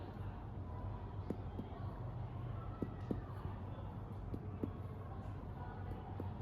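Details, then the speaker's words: Shifting dullness test for ascites on a female patient: percussion from the umbilicus laterally gives paired dull, flat taps without resonance over the flank, which turn tympanic once she is turned onto her side. "Suaranya down. Nah, ketika di sini e terdengar suara down, maka coba kita ee suruh pasiennya ke samping."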